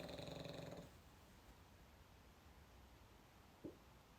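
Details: Sleeping dog (male) gives a brief low, fluttering, rumbling snore, then quiet room noise. Snoring.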